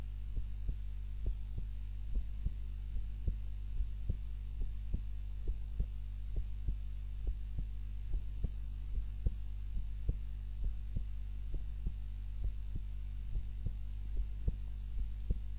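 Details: Own normal heart sounds recorded on a timer while napping, lying on the back rather than the usual prone position: steady, regular low thumps, roughly 70 beats a minute, over a constant low hum.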